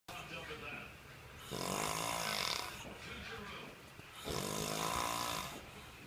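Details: Old man, the recorder's dad, sleeping: two long, loud, harsh inhaled snores with quieter breaths out between them, over room noise. Loud snoring.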